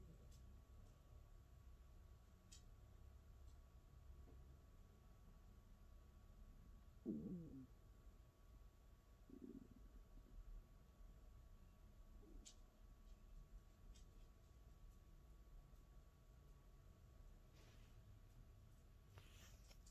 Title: ASMR Stomach Noises, Forgot to Eat! ASMR stomach sounds, Rumbling, Growling stomach, Hungry